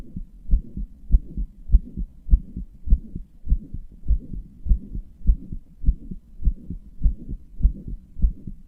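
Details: Regular heartbeat near 100 beats a minute with a soft whooshing between beats; a self-described weak, murmuring heart that also palpitates, which the person says they strained deliberately; heart murmur.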